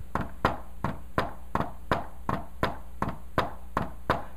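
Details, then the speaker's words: Imitated heart sounds played fast as a regular tapping rhythm in a teaching demonstration, illustrating a fourth heart sound (S4 gallop) falling just before S1, likened to "Tennessee". "now s4 is so close to s1 that when I do rid of fashion might not even notice look at this"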